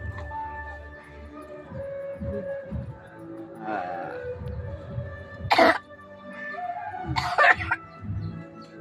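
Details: A child with a cough being treated with a village home remedy of turmeric and garlic paste gives two short cough bursts over background music: a wet cough.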